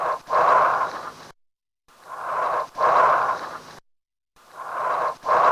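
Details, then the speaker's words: Loud, hollow, tubular bronchial breath sounds with clear pauses between inspiration and expiration and no crackles; the clip asks whether alveolar fluid filling or alveolar collapse causes them, and absent crackles weigh against fluid. "so let's hear again our sound and see whether these bronchial breath sounds are due to alveolar fluid or alveolar collapse let's hear it again"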